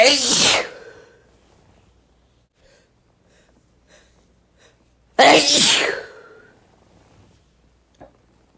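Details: Sneezes from a compilation: two loud explosive sneezes, each with a sharp blast of air, separated by a few seconds of quiet.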